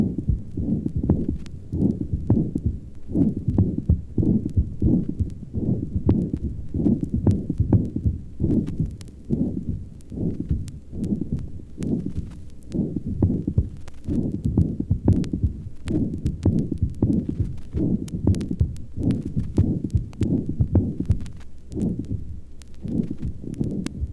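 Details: Vintage 1955 medical sound recording: irregularly spaced heartbeats with a harsh rushing sound filling each systole, a systolic murmur with an irregular rhythm.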